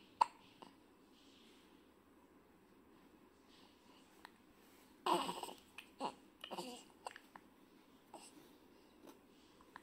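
Repeated brief, sharp hiccup sounds spaced a second or so apart, with a few soft vocal noises in between; hiccups.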